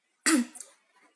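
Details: Adult woman's single short, harsh cough with a faint trailing clearing sound, during a live talk; she says her voice is hoarse after coughing the day before.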